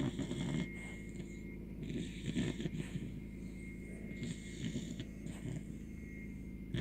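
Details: 17-week-old American Bully puppy asleep, continuous low rattling snore through each breath with snorty bursts; dog snoring.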